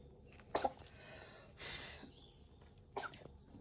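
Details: Kitten making a few brief snorting bursts, sneezes or snorts, during a choking episode. The owner wonders whether he ate his litter and asks whether something is stuck in his throat. He recovered.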